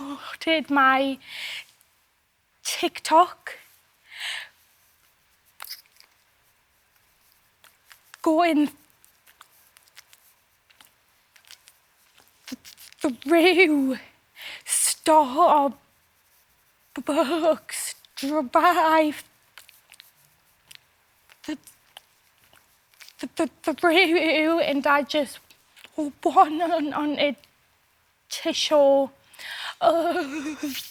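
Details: Stammering in an adult male singer, who has had a stammer since his school years.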